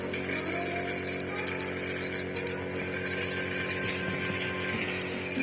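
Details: Compressor nebulizer steaming treatment for a child's persistent cough and cold after two doctor visits: steady mechanical hum and hiss delivering mist, faint room sounds.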